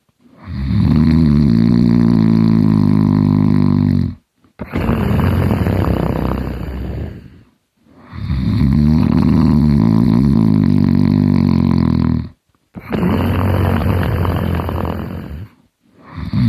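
Loud, deep, rattling snores with each breath, about four in 16 seconds, separated by brief silent pauses; heavy snoring.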